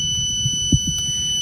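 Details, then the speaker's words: Lung Carburetor ventilator disconnection alarm: a steady, continuous high-pitched alarm tone sounding after two cycles of a disconnected tube, following a low-pressure warning. "so as soon as the tube the two cycles are done and you have disconnected tube alarm after two cycles"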